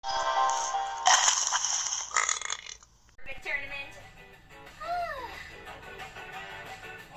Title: second burping tournament first round eighth battle